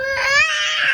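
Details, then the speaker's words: A baby boy cries with a brief, high, tense wail that rises and holds steady while his brother tries to pick him up and comfort him; infant crying. "কি হয়েছে বাবা? রেজওয়ান, তোমার ভাই কান্না করতেছে কেন?"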